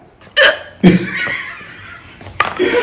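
Two sudden, sharp gulping hiccups about half a second apart, followed by laughter.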